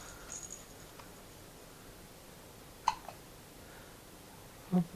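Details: Two soft, abrupt hiccups from a baby in a quiet room; baby hiccups.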